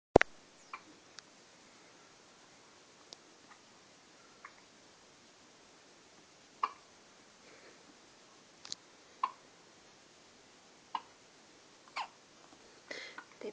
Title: Hiccup Brigade